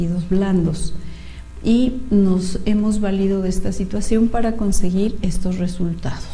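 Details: Adult woman speaking Spanish; Normal speech.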